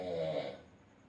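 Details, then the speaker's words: Loud snoring from a person sleeping in the house, heard while someone sits with tea: snoring. "বাবা গো নাক ডাকছে শুনতে পাচ্ছো? বাঘ। বাঘ পড়েছে আমার ঘরে।"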